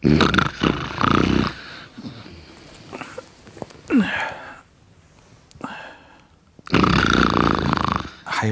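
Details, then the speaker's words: Acted imitation of heavy snoring in a comedy sketch: two loud, rough, rattling snore-like bursts with quieter room noise between them. "حياتي حياتي ضبطي نومتك شوي عم تشن خري خري خري حياتي عم بتشن خر زبطي صوتي طالع صوت الشخير كتير قوي ما عم بقدر نام"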